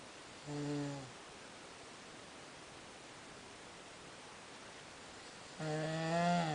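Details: Snoring at 3 am in someone with sleep apnea: two low, buzzing, rattly breaths several seconds apart against steady room hiss.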